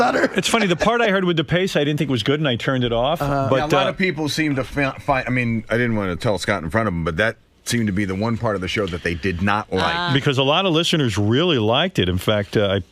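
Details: Adult male speaker; normal fluent speech.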